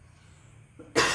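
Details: Cough from an adult speaker during a recorded talk: after a quiet moment, a single sudden loud cough burst that is cut off at the end.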